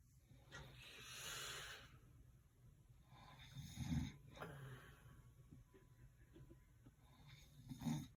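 Low rattling snores with soft breathing between them, about 15 breaths a minute, in a quiet room.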